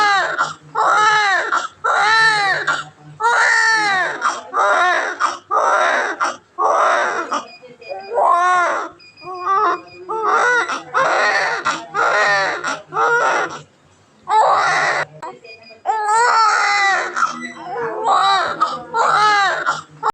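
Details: Crying newborn baby sound effect: loud, repeated wailing cries with brief catches of breath between them, a typical newborn cry.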